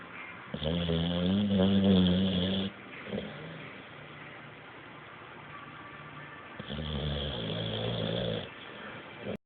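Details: Bulldog sleeping on the couch: two long, loud, rumbling snores about six seconds apart over steady room hum; snoring.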